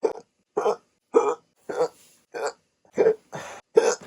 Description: Had a super rare round of hiccups after waking up from sleeping with my CPAP mask.